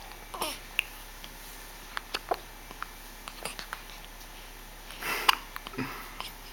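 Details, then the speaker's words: Brief sharp catches repeating irregularly, with soft vocal sounds and faint room hum: hiccups. "These hiccups are no fun."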